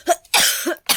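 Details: Two harsh coughs a moment apart, the first with a brief voiced start, in an adult with a cough lasting several days that won't clear despite medicine; reports feeling short of breath, ears feeling blocked.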